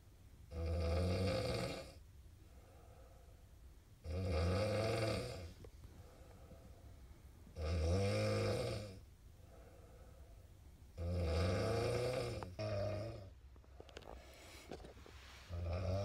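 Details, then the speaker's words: Extreme snoring by the recorder's roommate, keeping them from sleeping: loud, rattling snores on each in-breath, about 17 a minute, with quiet out-breaths between. "crazy. I can't sleep because of this. Please save me, Allah."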